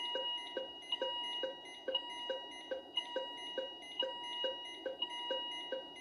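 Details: Philips IntelliVue MP30 patient monitor alarm: rapid regular short beeps with a repeating higher alarm tone; rhythm from an ECG simulator, ZOLL E Series defibrillator sync and charge pressed manually.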